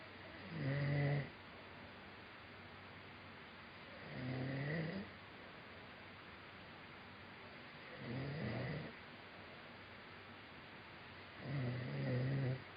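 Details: Four low, buzzing snores, about 16 a minute, over a steady background hiss from a man who fell asleep during a Skype call; hard snoring.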